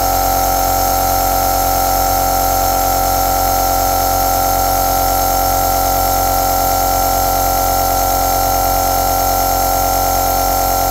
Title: Suono aerosol con luce azzurra e lampada al sale